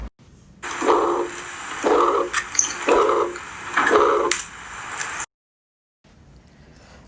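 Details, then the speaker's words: Ventricular septal defect murmur in a heart sounds teaching recording: loud harsh murmur filling each beat at about 60 beats a minute. "y aquí tenemos otro ejemplo de otro soplo que sería en este caso durante la comunicación interno ventricular son área así"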